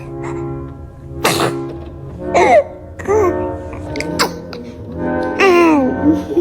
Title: Ranking The Funniest And Cutest Baby Sneezes